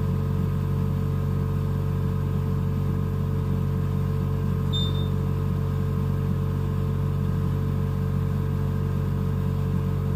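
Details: Steady low mechanical hum with one brief high tone: a neonatal ventilator running in a NICU.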